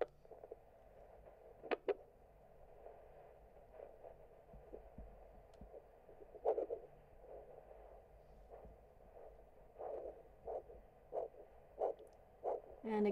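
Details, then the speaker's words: Handheld Doppler ultrasound probe with gel over the foot, dorsalis pedis then posterior tibial area: brief extraneous noise, then faint rhythmic pulsatile swishing of normal peripheral arterial flow, used when pulses are hard to palpate. "I should note that you are going to hear a little bit of extraneous noise to start with before we find the pulsatile flow. And there is the pulsatile swishing noise of the pulse."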